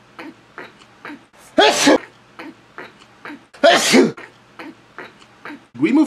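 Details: Sneezing fit from a person who says they are sick: quick catching breaths building up, then two loud explosive sneezes and the start of a third.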